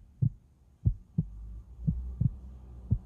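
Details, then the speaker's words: First-year medical student listening to her own heartbeat through a new stethoscope after a large mug of coffee: soft low paired thuds about 65 to 70 a minute with faint rubbing noise between. "if i wanted to hear my own heartbeat which i probably don't want to because i've just had a large mug of coffee"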